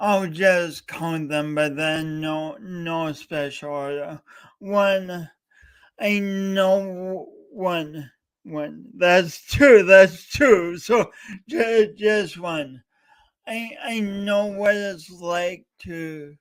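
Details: Male host talking live for three hours straight to mark speech impediment day, with frequent word repetitions heard; stuttering with word repetitions.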